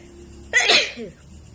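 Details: Wide-nosed sneeze: a single sharp, hissing burst with a brief voiced tail, a typical sneeze against faint room hum.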